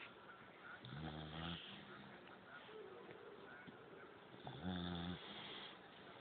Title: Stella snoring loouuudddd!